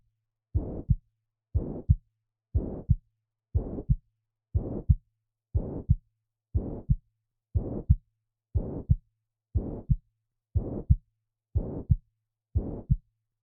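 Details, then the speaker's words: Holosystolic murmur of mitral regurgitation, loudest at the mitral area (fifth intercostal space, midclavicular line): regular heartbeat at 60 per minute with a high-pitched blowing murmur filling systole from S1 to S2. "mitral regurgitation is sometimes described as a high pitched blowing murmur that's not nearly as helpful for your exam as the fact that it's a holocystolic murmur"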